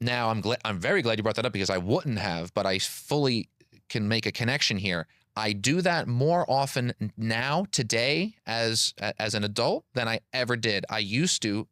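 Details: Adult man with stuttering, a PhD engineer and public speaker who has stuttered since childhood; audible repetitions of words and phrases.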